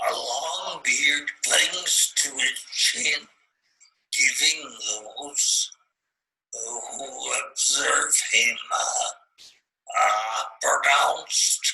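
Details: Adult male after a stroke in the brainstem and other brain areas, reading part of the Grandfather Passage; mixed ataxic dysarthria.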